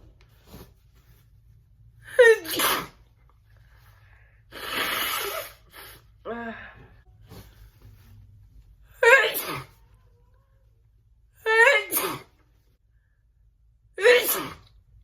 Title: Big sneezes mixed wit stifle sneeze